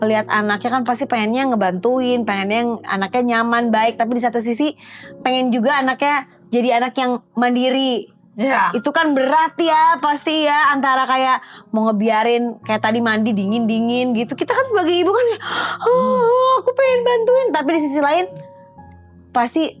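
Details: Adult woman speaking; normal speech.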